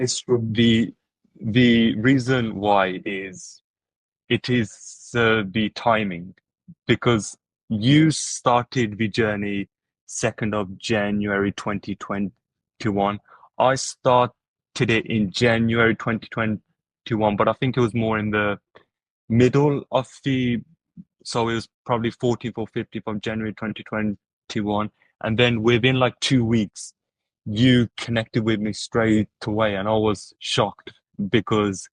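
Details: Adult podcast host who stutters, with word repetitions; stuttering.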